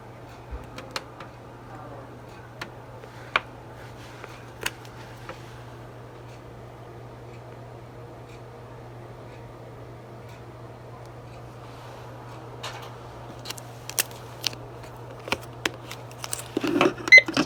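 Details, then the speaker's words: Steady low motor hum with occasional clicks and handling near the end: nebulizer compressor delivering albuterol by mask to a young boy with fast, labored breathing and retractions since last night (suspected RSV bronchiolitis, RSV test negative). "It's albuterol. That's albuterol. It's just a liquid form that helps open your airway, especially when kiddo like this isn't breathing well."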